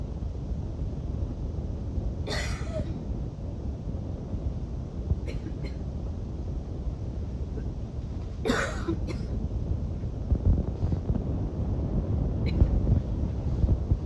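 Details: Wheezy coughing fit before bed, part of an evening routine: two harsh cough bursts with smaller throat sounds over steady background noise.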